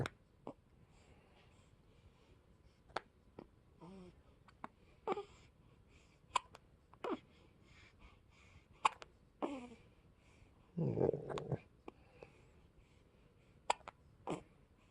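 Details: Person with hiccups: short, sharp catching bursts at uneven intervals, about ten in fifteen seconds, in a quiet room.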